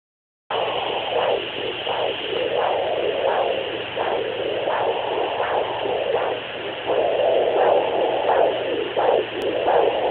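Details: Handheld fetal Doppler: rhythmic whooshing pulses over steady Doppler hiss, roughly 86 a minute.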